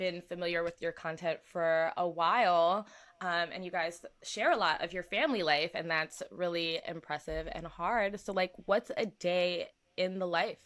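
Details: Adult speaker; normal conversational speech.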